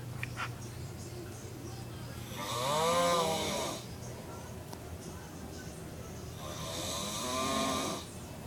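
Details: Father's very loud snoring: two loud, rattling snores on the in-breath about five seconds apart over steady room hum; heavy snoring.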